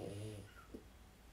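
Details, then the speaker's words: Pet dog named Daisy snoring in the background during a recording; low snoring sounds until the owner wakes her. "You can hear my dog snoring, I apologise."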